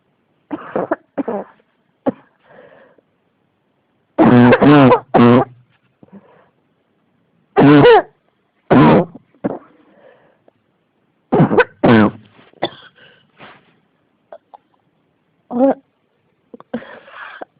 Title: 咳が止まらない 42 cough